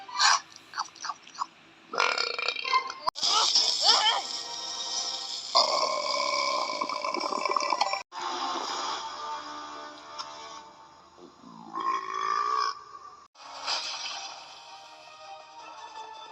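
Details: Burping compilation: loud, drawn-out burps replayed from a cartoon, mixed with music and voices.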